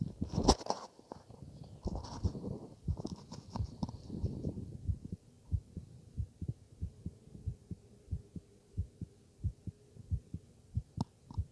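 After several seconds of stethoscope rubbing and handling noise, steady low thumps of an adult heartbeat come through at a regular rhythm. These are ordinary heart sounds heard over the chest, with no distinct extra noises standing out.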